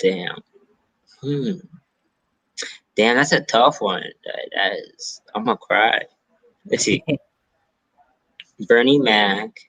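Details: Stuttering in an adult male stand-up comedian who says he has a stutter; real, spontaneous interview speech.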